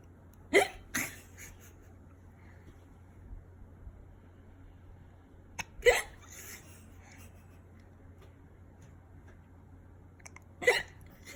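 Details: Baby's hiccups: three sharp, brief hiccup sounds over about ten seconds against quiet room hum, typical infant hiccups.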